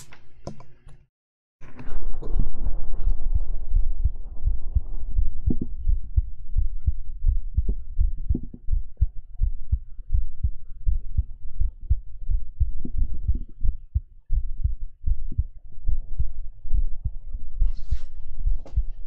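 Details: Close-up heartbeat from a live ASMR stream using a 3Dio binaural microphone: steady, muffled low thumps with faint room hum. Heartbeat.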